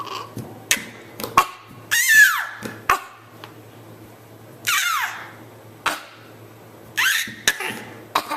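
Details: Child recorded with a Flip Video camera giving three short, harsh cough-like bursts, each trailing into a falling voiced sound, with clicks and quiet room noise between; cough.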